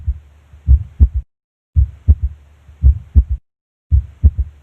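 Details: Physiological third heart sound (S3) heard at the apex on auscultation.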